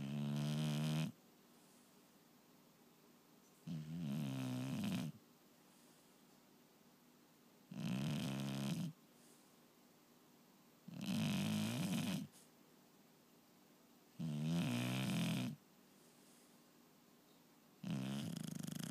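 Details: Regular, loud, fluttering snores, about 18 breaths a minute, with quiet pauses between them; steady snoring during sleep.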